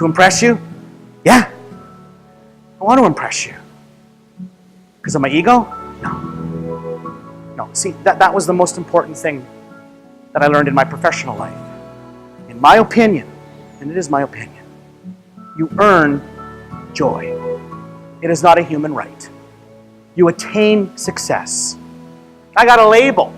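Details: Adult male speaker; ordinary fluent speech.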